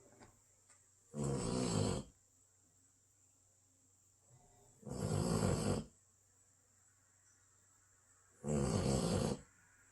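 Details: Basset hound snoring: three loud, rough snoring breaths about 3–4 seconds apart over a steady background hum.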